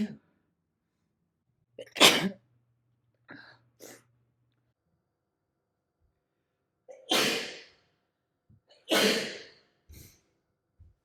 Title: Natural sneezes compilation